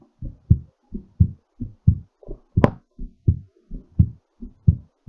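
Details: Normal heartbeat during recovery after exercise: steady paired heart sounds at about 86 beats a minute.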